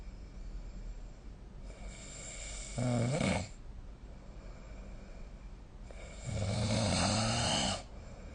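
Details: Snoring during sleep, recorded with a snoring app: two loud, rattling inhalations about four seconds apart with quiet breathing between.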